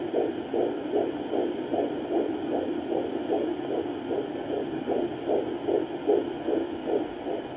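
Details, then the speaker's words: Rapid, regular whooshing fetal heartbeat at about 150 per minute, heard on a Sonoline B home fetal Doppler as the mother slowly moves the probe around her belly; swooshing and gurgling sounds may also occur. "you may hear some weird sounds some swooshing some gurgling but when you find that baby's heartbeat you'll definitely know that you've hit it"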